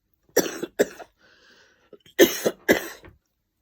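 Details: Adult coughing, who suspects a dusty walk-in wardrobe: two bursts of harsh coughs, four in all, separated by a brief pause in a quiet room.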